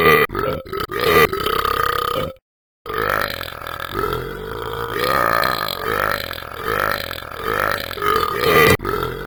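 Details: Repeated burping: a run of long, loud, voiced belches, about eight in nine seconds, with one brief silent gap.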